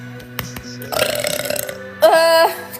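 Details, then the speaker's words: Young woman on a live stream who can't stop burping while drinking a carbonated drink: two burps, a long rattling one and a shorter tonal one, over background music. "can't stop burping I'm drinking carbonation"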